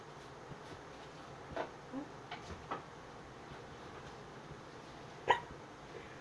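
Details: Person with hiccups: a few soft, sharp catching sounds over faint background noise; hiccups.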